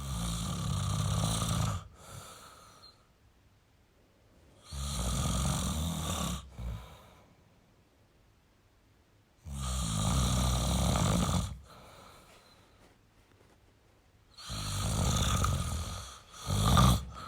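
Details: Male snoring: loud, deep rattling snores on each breath in, about 13 breaths a minute, with quieter breaths out between.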